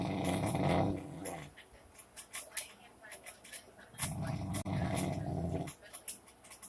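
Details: Snoring.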